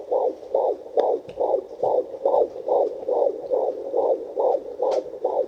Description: using a fetal doppler to hear my son's heartbeat im 15 weeks pregnant with my 4th